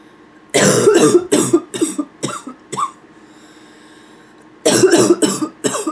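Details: Nonstop barking cough, labelled (f): two runs of harsh, rapid barking coughs, about ten in six seconds, separated by a brief pause, with a little throat clearing toward the end.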